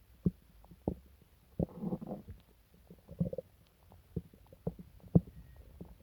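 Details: Low gurgling rumbles and deep growls in irregular bursts from the abdomen: loud borborygmi in a person sick for several days with stomach pain, diarrhea and nausea.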